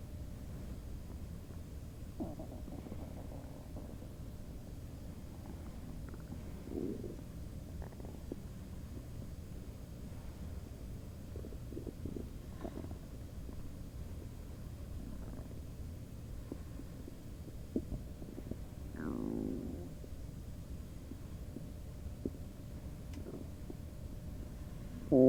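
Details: Ordinary bowel sounds (borborygmi), stomach noise: low gurgling and bubbling abdominal rumbles come and go over a steady background hum.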